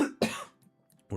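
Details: Two sharp cough bursts from an adult who says they are very sick, the second starting after a short pause before a third begins.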